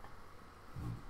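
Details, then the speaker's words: Sleeping pet dog snoring in the background of a room: a single low, rumbling snore rising out of quiet room noise near the end; ordinary canine snoring. "and believe it or not behind me you can hear it his my dog is snoring sleeping through my trading and how dare he"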